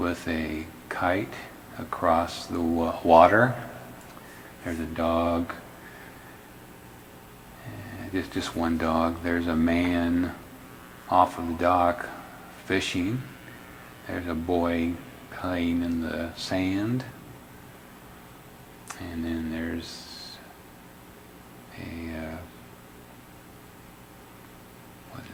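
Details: Logopenic variant primary progressive aphasia, an Alzheimer's disease phenotype, in a male patient describing a picnic scene, with word-retrieval and repetition problems, paraphasic and phonologic errors; subtle; phonologic-loop deficit with left temporoparietal hypometabolism.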